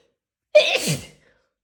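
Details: A single forceful sneeze fading quickly into silence, induced by tickling the nose; a huge tickle-induced sneeze.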